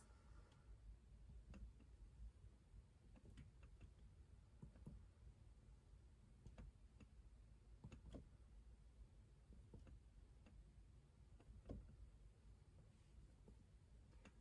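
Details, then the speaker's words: Normal resonant percussion note in an adult during a respiratory assessment: soft, hollow finger taps over the anterior chest, resonant in all fields with no abnormal dullness; patient reports early morning cough. "Right, so we were resonant in all fields with no abnormal dullness there."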